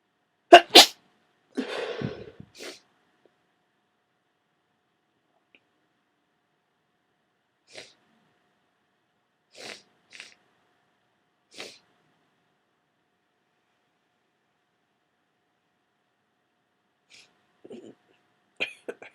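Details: Common cold, a pair of loud sneezes, then scattered small sneezes and sniffs in a quiet room; getting sneezier and starting to cough as the day goes on.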